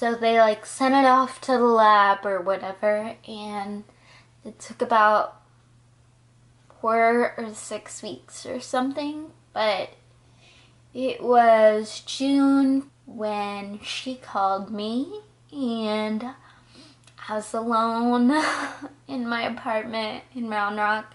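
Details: 20-year-old woman diagnosed at 19 with Friedreich's ataxia, a progressive neurological disorder affecting her balance, coordination, speech, heart and muscles; ataxic dysarthria (Friedreich's ataxia).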